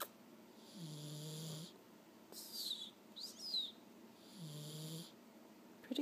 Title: My cat snores...